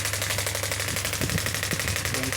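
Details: Rapid, steady train of sharp mechanical pops, about a dozen a second, from a clinical touch-screen pneumatic radial extracorporeal shockwave therapy unit rated 0.5–10 bar; radial shockwave therapy device firing.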